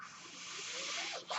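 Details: Steady breathy hiss swelling at the end between a speaker's phrases: mechanical ventilator airflow from the podcast speaker's own ventilator delivering a breath.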